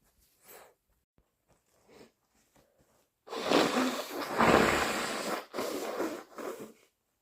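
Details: Person with a cold, morning: a few soft sniffs, then long forceful airy nose blows; congested nose-blowing and snorting.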